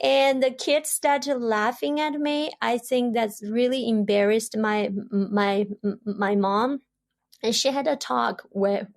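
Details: Adult woman who grew up in China, long-hidden stuttering that later became overt, untreated and unsupported in childhood; stuttering.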